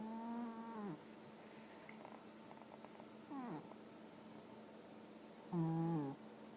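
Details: Sleeping cat snoring: three tonal, whistling snores with falling pitch, separated by quiet breathing, over steady room hum.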